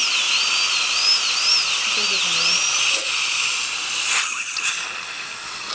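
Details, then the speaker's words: Shrill, wavering high-speed dental drill whine as a number one bur, dancing a little, cuts vertically through the mesial triangular fossa of a crown. The crown is on a lower left first molar with failed root canal treatment and a distal-root abscess. "so the first step is I take a number one highspeed bar and index it and uh then I go back and vertically that bir kind of wants to dance around a little bit"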